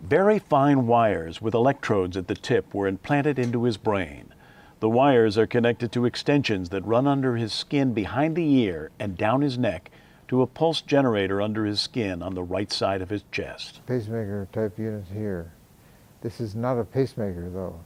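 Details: Adult male narrator; ordinary speech.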